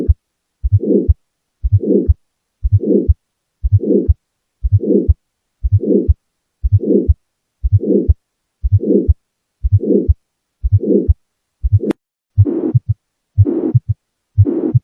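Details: Heart murmur: steady heartbeat at about 60 a minute with a whooshing murmur filling the gap between the heart sounds.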